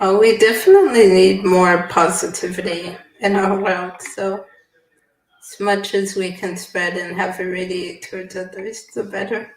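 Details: Adult woman; typical speech.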